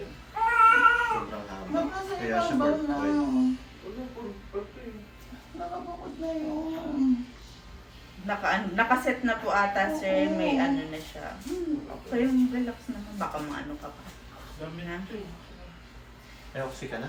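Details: Loud, high-pitched, wavering crying in repeated bursts from a newborn just after a normal vaginal delivery, with adult voices nearby; normal cry after birth.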